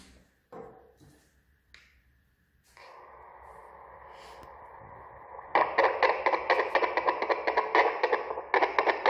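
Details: Fetal heart sound from a Bistos BT-220 handheld fetal Doppler with 2 MHz probe (interchangeable 3 MHz), played through its built-in speaker.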